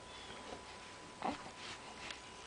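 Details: Young child with hiccups: one short, sharp gulping hiccup catch in a quiet room.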